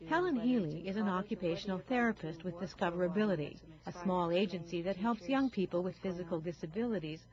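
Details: Adult female narrator; normal speech.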